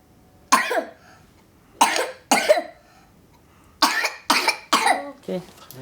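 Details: Child in pediatric emergency care, blowing forcefully on a sheet of paper held by his father so the doctor can assess breathing; efforts break into about six short coughs over a few seconds: cough on forced expiration.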